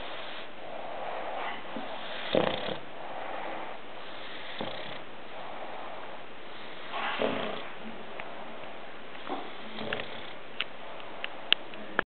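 Slow, noisy, rasping breaths with snorting, about one every two to three seconds; dog snoring while asleep.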